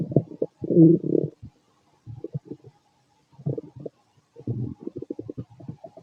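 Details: Fit adult male, stomach and bowel sounds after a bowel movement: quiet bursts of bubbling, gurgling separated by silence; normal borborygmi.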